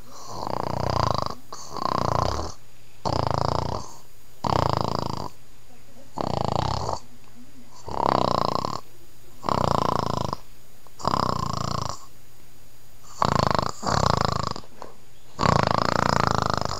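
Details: Sleeping cat snoring, nose wiggling: a steady, rhythmic snoring rattle with each breath, about 35 breaths a minute. Snoring.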